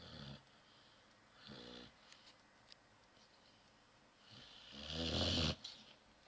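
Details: Brewster, a sleeping dog, snoring: two snores, one soft and one louder and rattly, over a quiet room background.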